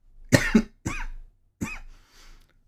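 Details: Cough.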